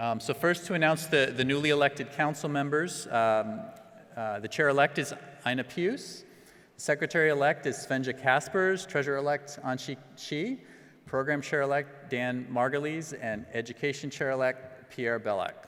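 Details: Adult male speaker; normal speech.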